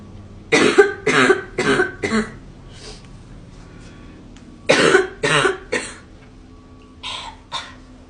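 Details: Girl coughing: two bursts of dry, rapid coughs, about four coughs each, followed by softer trailing coughs; plain coughing.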